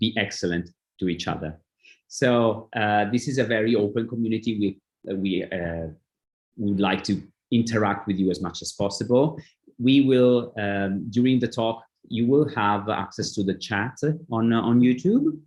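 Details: Adult male speaker; typical speech.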